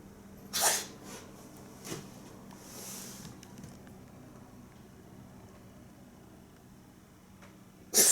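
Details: A cat that can't stop sneezing: two short, sharp sneezes in a quiet room; repeated sneezing.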